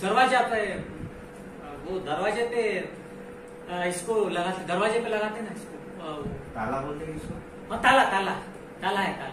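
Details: Patient with Wernicke's aphasia, real clinical demonstration in a hospital medicine department, speaking Hindi; fluent but jargon-filled, meaningless speech; Wernicke's aphasia.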